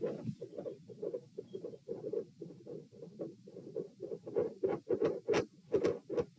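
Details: Stethoscope heart auscultation at position P during a stress test (standing, knee bends, deep breaths, sitting, lying; rates 126-138 then 96 bpm); loud, closely spaced, partly merging beats in steady rapid rhythm, deep breaths not slowing rate; tachycardia.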